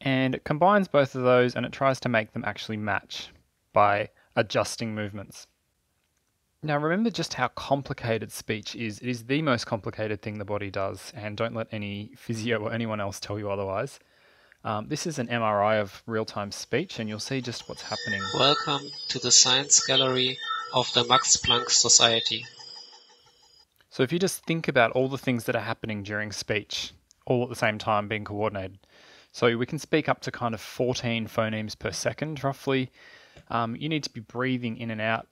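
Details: Adult male speaker; typical speech.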